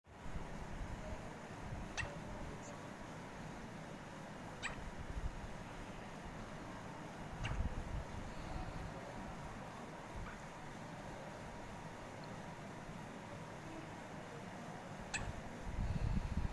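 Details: Baby girl with hiccups: faint sharp clicks every few seconds over steady room noise, about five in the clip.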